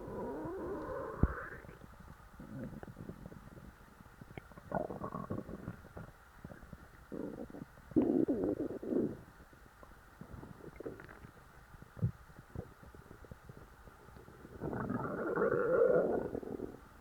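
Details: Bubbling, squeaky gurgles and rumbling bursts coming and going from a stuffed stomach after a large meal, normal digestive activity; stomach growling (borborygmi).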